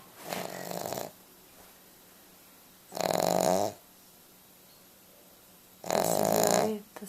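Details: Sleeping Cavalier King Charles Spaniel dog snoring: rhythmic rasping snores about every 3 seconds, near 20 breaths a minute, quiet pauses between, faint steady background hum.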